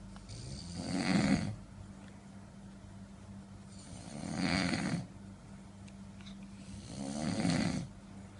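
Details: Sleeping adult father in deep sleep at night; three loud, rough, low snores on in-breaths, about 19 a minute, quiet pauses between; ordinary snoring.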